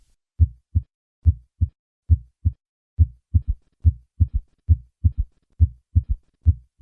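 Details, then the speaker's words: Austin Flint murmur of severe aortic regurgitation, regular rhythm about 70/min: normal heart sounds first, then an added third heart sound that introduces the murmur; the first heart sound may be normal or diminished. "Listen to an Austin Flint murmur. I will begin with normal sounds, then add the third sound, and finally the Austin Flint murmur."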